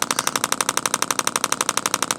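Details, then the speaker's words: Radial shockwave therapy handpiece (Intelect RPW 2) giving rapid clicking pulses, about ten per second, focused on a trigger point; clicks come from a magnet striking metal inside the device. "what you're hearing is a magnet going back and forth inside this device here and it's hitting a piece of metal basically on the other side creating a force"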